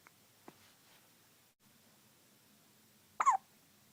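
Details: Baby with hiccups: faint short catches, then one sharp hiccup in a quiet room.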